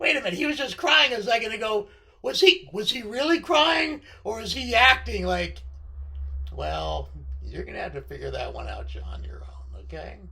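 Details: Left-sided vocal cord paralysis following surgery in a male speaker, limiting his control of his voice.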